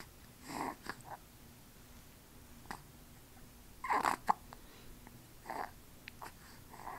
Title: 1st hiccups